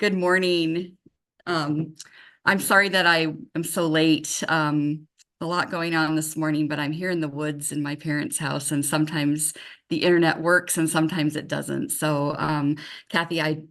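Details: Adult woman speaking, remote call audio; normal adult speech.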